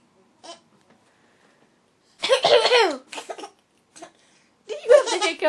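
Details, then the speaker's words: Brief harsh bursts of a mother's cough alternating with a 10-month-old infant's high, gliding squeals of laughter; the infant also has hiccups; plain adult cough. "oh you do does Mommy have a bad cough like you you you got the hicups baby"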